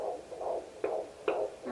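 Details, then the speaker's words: Home pocket fetal Doppler at 17 weeks, third pregnancy, baby lying low and right: rapid, regular whooshing fetal heartbeat about 135–145 bpm amid noise and movement: fetal heartbeat on Doppler. "there's a lot of noise and movement in there all right so we have found her coming in 135 here"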